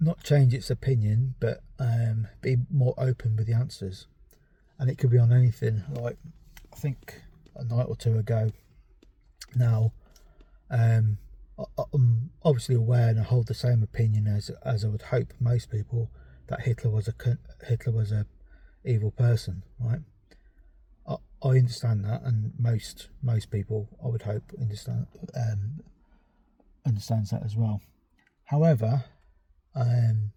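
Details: Stammering in a 43-year-old man with ADHD, a stammer that developed only in the last few years, with word avoidance and substitution, restarted sentences and mumbling.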